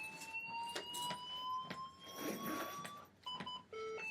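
Steadily rising electronic whine as a manual defibrillator charges, then steady ready tones, with thumps and room noise in a simulated resuscitation.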